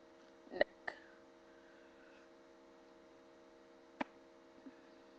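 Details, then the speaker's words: Self-performed neck then back cracking: several sharp, brief pops over a steady low hum, normal joint cracking (crepitus). "I'm going to do a video on cracking the joints. Yeah. First, I'm going to do top, neck, to about my back."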